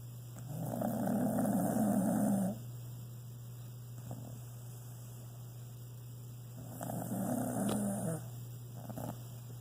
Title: Copy snoring